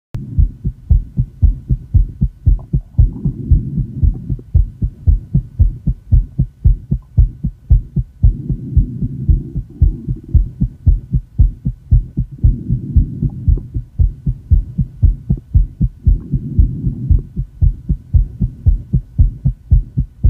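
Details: Female heart recorded with ECG after asthma and likely excessive inhaled salbutamol: fast, regular heartbeat around 115 a minute with rising and falling breathing; tachycardia starting in the 110s.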